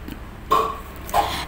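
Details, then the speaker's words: An adult with a somewhat hoarse voice gives two brief, muffled, throaty coughs while talking, with quiet room noise between them. "saya batuk. Suara saya agak parau ya."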